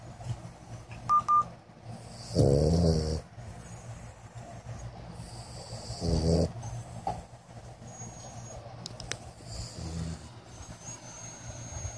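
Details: Two low, rumbling snores about three and a half seconds apart, with quiet breathing and faint room noise between them; ordinary snoring.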